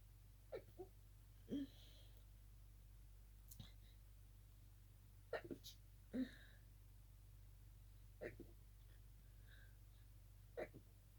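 Several quiet, muffled sneezes, some with small catching breaths before them, over steady low room hum; stifled sneezing.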